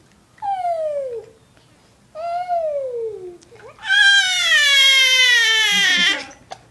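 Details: Infant crying while having hiccups: three rising-then-falling wails, the last long and loud.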